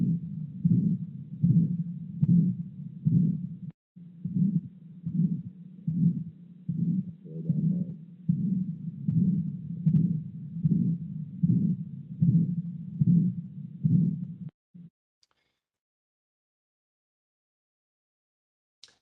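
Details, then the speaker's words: Real patient with hypertrophic obstructive cardiomyopathy, recorded while bearing down (Valsalva): regular heartbeat near 76 a minute with a harsh systolic murmur that gets much louder with Valsalva. "you can see the intensity and you'll hear the intensity of the murmur get much louder with val salva which would otherwise make all other murmurs quieter"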